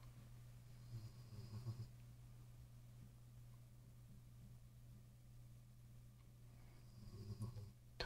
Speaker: if you can hear snoring in the background that's my dog